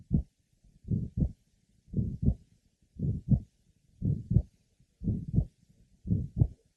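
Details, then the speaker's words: Pulmonic area of a patient with mitral valve prolapse and atrial septal defect: wide splitting of the second heart sound, not becoming closely split or single with expiration, with a grade 3 mid-systolic murmur; heart rate near 60 a minute. "Wide splitting of the second heart sound is present it does not become closely split or single with expiration a grade three mid systolic merma is also present"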